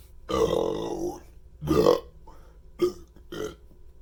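Four voiced belches in quick succession, two long and two short; ordinary burping.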